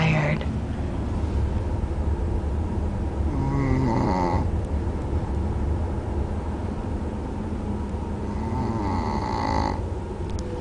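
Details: Snoring in sleep after a tiring day on a boat: two slow, buzzing snore breaths about five seconds apart over a steady background hum.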